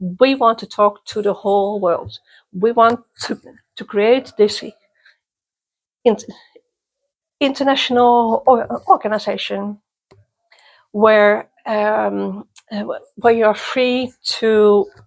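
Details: Person who stutters, interviewed at a youth exchange for people who stutter or clutter; part-word and word repetitions; stuttering.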